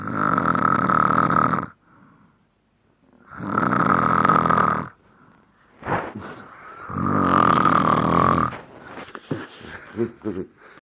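Loud, buzzing snores on the in-breath, roughly every 3.5 seconds, with snorts and smacking sounds between. Heavy snoring during sleep.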